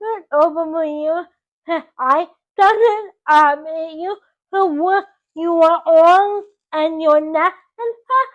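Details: Dysarthria in a 24-year-old woman with cerebral palsy from oxygen loss to the brain at birth; doctors had predicted she would never talk.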